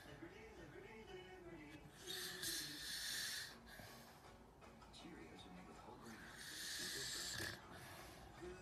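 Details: Bodybuilder father and son sleeping with mouths open, snoring loudly: slow, hissing, airy open-mouth snores, two long breath cycles over about eight seconds, faint background sound.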